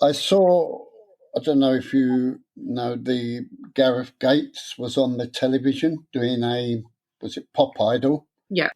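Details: Stuttering (stammer) in an adult man, present since about age seven after childhood trauma; he later took a three-day therapy course.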